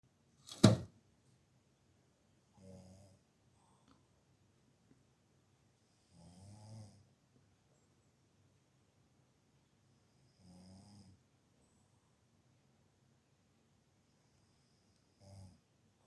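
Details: Soft, low rattling snores from a resting black cat, about 14 a minute, each with a faint hiss; snoring.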